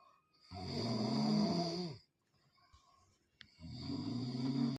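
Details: Loud, rattling, throaty snores on drawn-in breaths, separated by a quiet pause, with a faint steady hum in the background; typical snoring.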